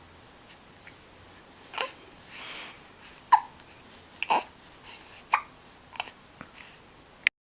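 Sharp, brief hiccup sounds about once a second, slightly irregular, in a quiet room with a few soft vocal noises: infant hiccups.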